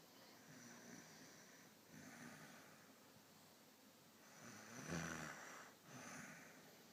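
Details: Quiet snoring during sleep: soft, rough breathing sounds roughly every two seconds, with one louder snorting breath.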